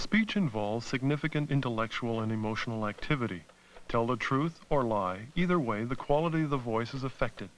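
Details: Adult male speaker; normal speech.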